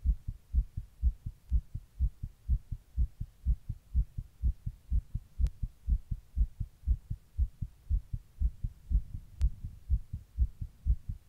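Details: Own heart recorded while sitting in 100 degree heat during a heatwave: steady, rapid low thumps at about 122 a minute; tachycardia.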